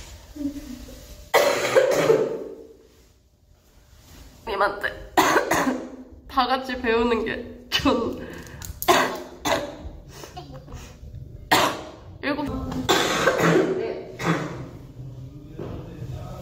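Repeated harsh, wet-sounding coughs from a girl, some in bursts with throat sounds between, in a small room.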